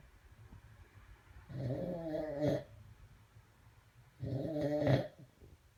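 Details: Sleeping person snoring: two long, rough, rattling breaths in a quiet room, about 24 a minute.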